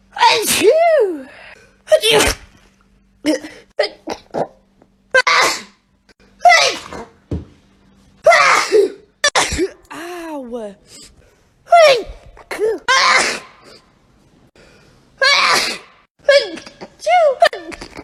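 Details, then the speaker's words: Rapid series of sharp, explosive sneezes, many preceded by a drawn-in breath, from different people in a compilation, including hay fever and allergy sufferers, with brief talk between some. "It's making me sneeze. Oh, it wasn't that bad."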